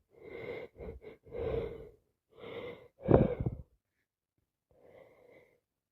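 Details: Person with yet another cold: several gasping, whistly in-breaths building up, then a forceful wet sneeze and a soft follow-up breath, amid non-stop sneezes with sniffing and slight coughing; sneeze build-up.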